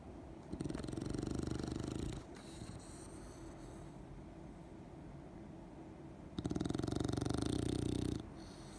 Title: Good morning who’s snoring? Watson and Plawan together video #englishbulldog #englishbulldogpuppy